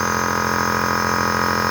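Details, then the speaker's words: Home compressor nebulizer switched on for a young girl's cough treatment as prescribed by a doctor, producing mist: steady mechanical hum and buzz running continuously, with no breathing or speech audible. "Вот здесь одна маленькая кнопочка. Все, управление очень просто. И начинает идти пар. Такой дымок."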